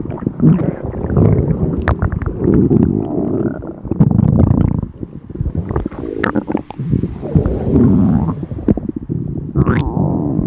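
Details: Person on a diet, very hungry, stomach rumbling nonstop: loud, continuous low rumbling and gurgling with no pauses, ending in a rising squeal; empty stomach growling from hunger (borborygmi).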